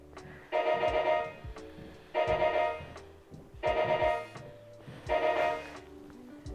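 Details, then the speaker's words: Radiofrequency device beeps about every 1.5 seconds as the probe goes under the skin through an 18-gauge needle puncture, about 65 °C internally, targeting 42 °C externally; the beeps indicate heating below. "so here we go with administering the energy and you can hear these little beeps to give us an indication of How It's heating below"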